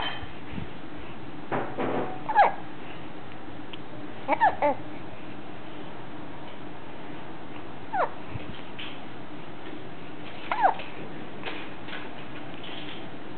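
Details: Kitten with hiccups, 29th day: brief squeaky hic sounds at irregular intervals.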